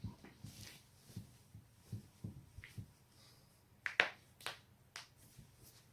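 Scattered soft pops, then several sharp cracks in a quiet room, consistent with self-induced neck and back joint cracking.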